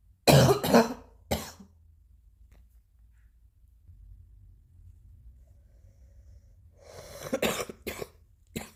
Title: new cough 1